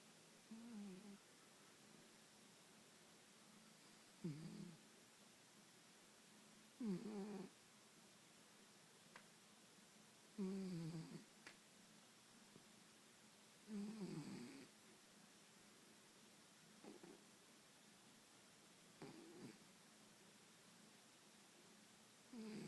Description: My moms cat Pudge snoring